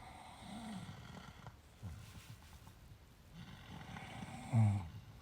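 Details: Two sleeping animals out after a long walk: quiet, low rumbling snores and snorting breaths with some room noise; snoring.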